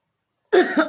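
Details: Effective cough technique shown by a nurse to a simulated TB patient: three deep breaths, holding the third, then one forceful cough while bending forward into a cup to bring up sputum, after a short silence.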